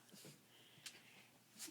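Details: Long-haired chihuahua sneezing on command: two short, sharp hissing bursts, a small sneeze, with soft background voices.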